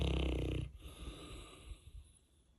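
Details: Saint Bernard dog in very deep sleep, not waking when the owner came home: a loud, deep rumbling snore fading into quieter breathing; heavy snoring.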